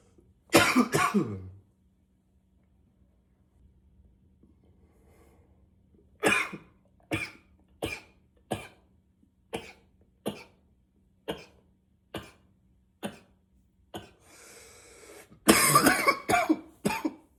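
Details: Acted roleplay of an unstoppable coughing spell: an opening burst, then about a dozen muffled coughs roughly every second into a pillow while trying to be quiet, then a loud unmuffled burst at the end; coughing fit.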